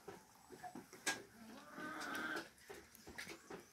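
A faint, rattling, snoring breath sound from a chicken, with scattered farmyard noises around it. These are respiratory rales from partly blocked nasal passages in infectious coryza.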